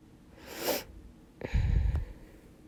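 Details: A single sneeze from a person talking to camera, with sneezes coming among the talk: a brief breathy intake, then a sharp burst with a low thump.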